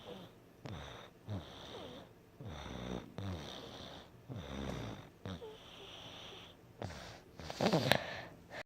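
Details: Sick, congested sleeper snoring with a stuffy nose, snores interrupted by mouth breathing; rhythmic snoring with snorting and whistling tones: congested snoring.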